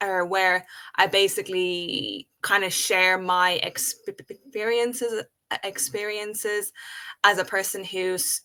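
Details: Adult woman who has stuttered since age five, in natural conversational speech. Stuttering.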